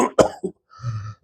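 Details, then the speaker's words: Doctor imitating a medium-airway cough as in bronchitis or asthma: deeper inhalation, then two louder cough bursts followed by throat clearing. "This kind of a cough. Deeper inhalation, multiple louder coughs is bronchitis or asthma."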